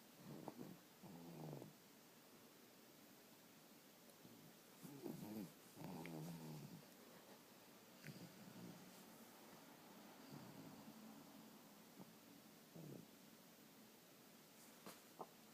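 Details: Sleeping soundly: soft, irregular snorting snores from a sleeping dog, several short rattling bursts with quiet gaps between them.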